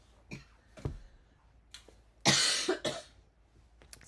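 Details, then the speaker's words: Adult who has been sick since Saturday night and has a tickle in the throat coughs during a live craft stream; cough. "Like I said, I have been sick for since Saturday night."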